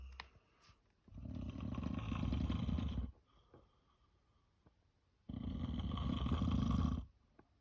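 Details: Person recording their own heavy snoring during sleep just after 9 pm: two long, loud, rough, low-pitched rattling breaths about four seconds apart with quiet pauses between them.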